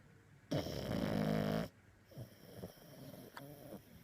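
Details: Max, a pug (flat-faced dog), snoring and dreaming: a loud, buzzing, rattling snore of about a second, then softer snuffling breaths; snoring.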